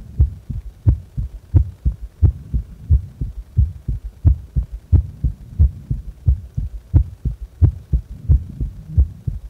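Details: Heart sounds recorded during a breath-hold and afterward: regular heartbeat at about 88 beats a minute with clear paired thuds.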